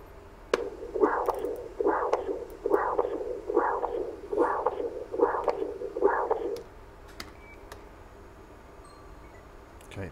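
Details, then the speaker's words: Doppler echocardiogram in an adult male discus thrower, assessing backflow to estimate lung pressures during a breath hold: rhythmic whooshing flow pulses about 72 a minute, stopping after six seconds. "he the blood flowing through your heart sounds a little weird yeah it's also important to try and detect some of the the blood going back here which can give us an indication of how how the pressures are within the lungs"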